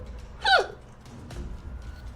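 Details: A single sharp, high-pitched gulping hiccup over quiet room noise and a faint voice, from a Korean streamer having hiccups during a live stream.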